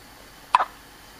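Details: Hiccup: a single short, sharp hiccup against quiet room noise.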